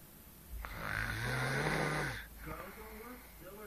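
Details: Adult woman (girlfriend) snoring in her sleep although she claims she doesn't snore: one long, low, rattling breath of about a second and a half, followed by quieter breathing.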